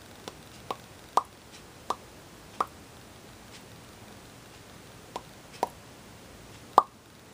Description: My lip popping is a stim that drives other people bonkers. It's a tactile and auditory sensory-seeking stim.